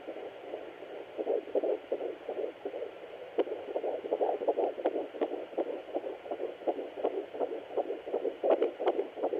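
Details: Fetal heartbeat at 13 weeks 1 day on a Sonoline B fetal Doppler: fast, regular whooshing pulses about 160 a minute, normal.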